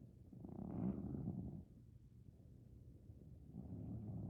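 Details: A Maine Coon cat snoring while asleep and dreaming: a low rumbling snore swelling and fading, then a softer second rumble, with purr-like vibration throughout.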